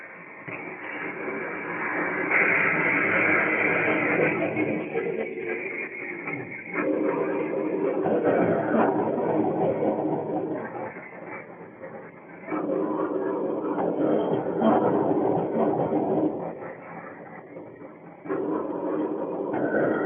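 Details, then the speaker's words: Person with ALS undergoing a real cough assist manoeuvre done by a caregiver to clear phlegm: long, loud airflow phases alternating with quieter pauses, the rhythmic push-pull of mechanical insufflation-exsufflation. "Pues esto que habéis visto es una pequeña parte de lo que es la utilización del Cough Assist, el asistente de tos, que hay que hacer porque si no nos ahogaríamos con nuestras propias flemas."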